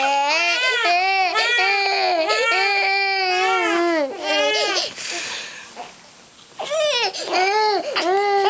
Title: Crying partners